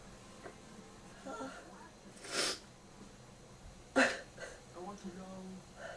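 Two short, sharp, muffled sneezes with soft breathing and faint voice sounds in a quiet room; sneezing with a head cold.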